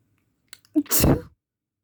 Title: Uncovered messy sneezes.